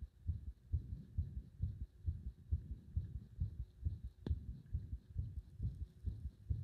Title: 圧迫で止まりかける心臓の音